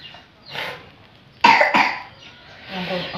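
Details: Cough from a child sick with a cough and cold: two harsh coughs close together, with faint voices around them.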